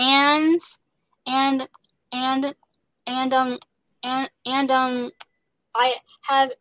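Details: Young woman who stutters, working as an actress voicing the lead character in an animated series; genuine stuttering.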